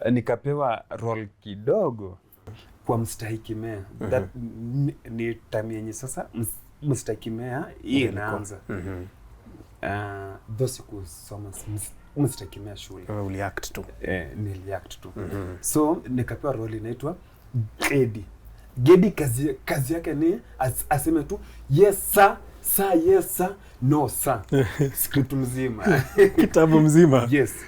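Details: Adult Kenyan man with stuttering (stammering) since his school years; he finds plosive sounds difficult and avoids them by switching between Kiswahili, English and Luo; he reports stammering more in cold seasons and shakes his head when stammering; stuttering (stammering).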